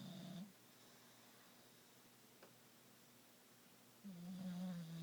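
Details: Bully dog snoring: two low, rumbling snores separated by a quiet pause of several seconds.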